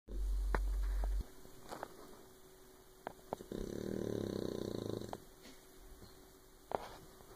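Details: Sleeping puppy snoring: soft, low purring snore lasting about a second and a half amid quiet breathing and faint clicks; normal.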